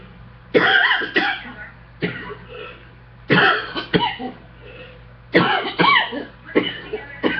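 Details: Adult coughing fit after getting off a treadmill: about ten harsh coughs in quick clusters within seven seconds, over a low electrical hum.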